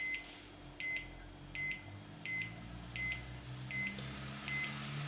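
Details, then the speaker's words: 90X2 automatic blood pressure monitor on the arm: seven short high beeps at about 80 a minute, one per detected pulse, as the cuff deflates steadily; normal measuring cycle, systolic reading 117 mmHg. "voilà les bip qu'on entend ça correspond on a pulsation cardiaque et là on commence à avoir le l'accessoire je sais pas comment ça s'appelle qui se dégonfle progressivement"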